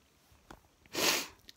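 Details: Sneezing fit during the night after a long weekend of hot weather: a brief sniff, then a single sharp, hissing sneeze burst lasting about a quarter second in a quiet room.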